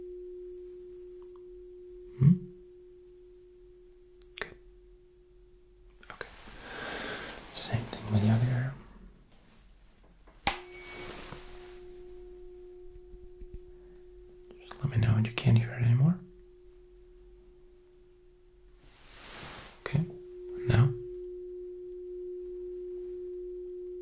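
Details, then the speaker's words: Simulated cranial nerve exam roleplay: a tuning fork is struck for the Weber hearing test, giving a steady pure ringing hum, repeated three times. "again I'll be striking the tuning fork this time I'll be placing it on your forehead like so and you'll just let me know if you can hear the sound"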